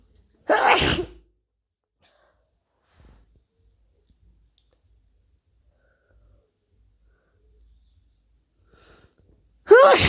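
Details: Sneezing.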